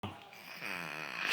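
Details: Person imitating grandpa snoring: a brief, buzzy rasping breath sound.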